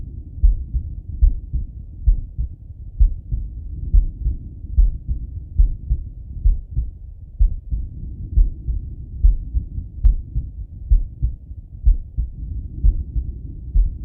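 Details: Male lying on his left side, heart heard through a stethoscope: steady low thumping at about 60–65 beats per minute with faint rumbling body noise between beats; normal heart sounds.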